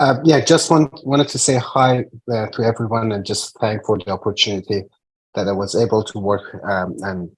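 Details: Adult man speaking; Normal adult speech.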